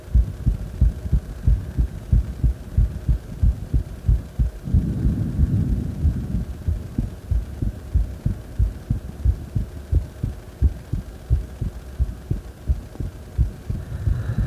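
Strong, steady low heartbeats at about 90 a minute, a little fast after exercise, with a low hum underneath.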